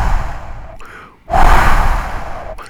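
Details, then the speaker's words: Imitated early diastolic decrescendo murmur: a blowing sound, like blowing across an open bottle, loudest at the onset of diastole when pressure across the aortic valve is highest, then fading between S2 and S1. "how will it sound sounds like a blowing like you're blowing across across an open bottle"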